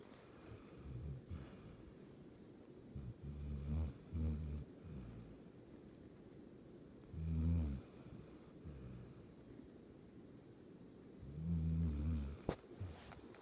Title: My doge snoring